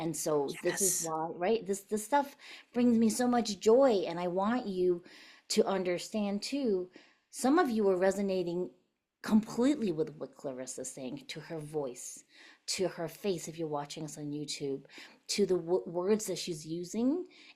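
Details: Adult woman speaking; typical voice.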